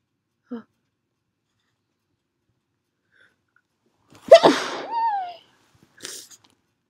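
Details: Perfume-induced sneeze after a long buildup: a quiet pause, a quick inward catch, then one loud, body-shaking sneeze trailing into a voiced cry, followed by a brief sniff.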